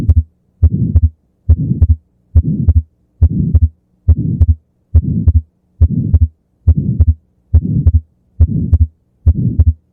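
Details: Atrial septal defect: regular heartbeat near 70 a minute with a soft systolic ejection flow murmur and wide fixed splitting of the second heart sound (S2).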